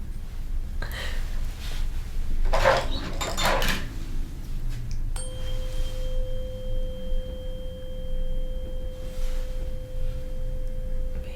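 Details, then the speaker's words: Ear exam, Weber test: handling rustles, then a tuning fork struck and placed on top of the skull rings with a steady pure hum; heard in both ears, no lateralization, a normal result. "So for this one, I'm going to strike the tuning fork, place it on the top of your skull, And you're gonna let me know if you hear it first in this ear, that ear, or both at the same time, okay?"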